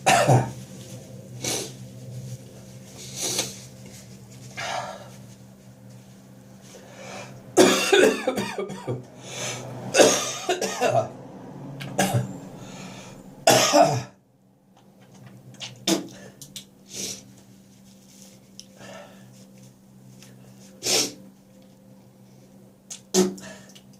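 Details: Adult's morning cough, possibly after too much beer the night before: repeated harsh coughs and throat clearing, with a few longer gagging, hawking bursts and spitting.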